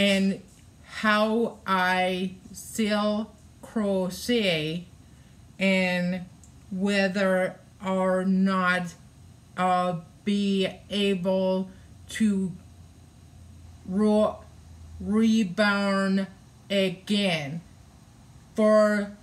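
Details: Adult woman with aphasia after a hemorrhagic stroke on May 19, 2020, requiring brain surgery and ICU care, with right-sided hemiparesis; the aphasia also affects reading and writing; aphasia.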